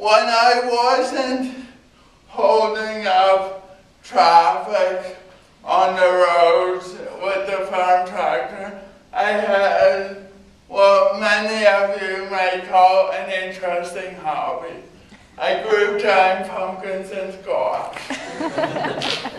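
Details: Adult man with cerebral palsy giving a talk about his own condition.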